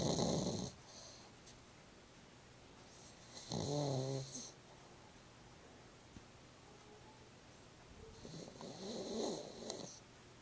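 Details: Sleeping rescued female pug, one week after rescue from being underweight and dirty, snores in loud, rattling, irregular bursts with quiet pauses; snoring.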